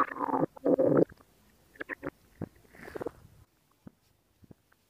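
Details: ASMR recording of stomach growling: short gurgling and bubbling bursts from the belly, a few loud, then fading to faint pops; ordinary borborygmi.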